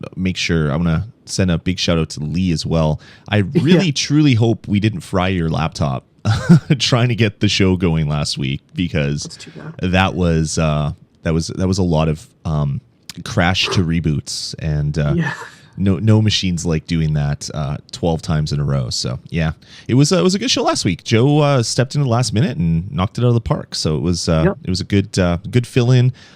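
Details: Adult male speaker; normal voice.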